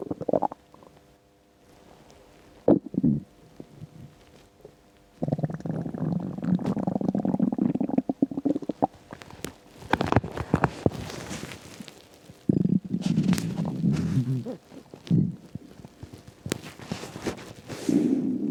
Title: Empty stomach rumbles